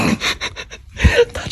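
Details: Snoring from a sleeping man: rapid noisy breath bursts, then a deep fluttering snort.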